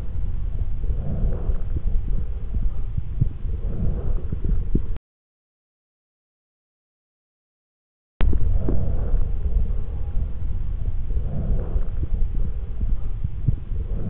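Soft, low breath noise rising and falling in steady cycles through a stethoscope: normal breath sounds.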